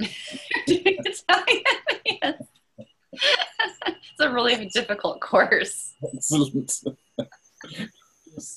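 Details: Adult speaker in small group room; none.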